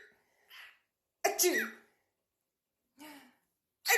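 Several short explosive bursts with quiet gaps between them, the loudest at about 1.3 seconds, fitting a run of sneezes.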